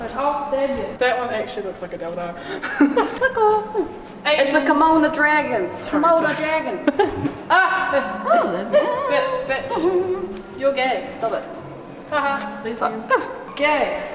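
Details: Tourette syndrome with vocal tics in a person speaking in public at a museum.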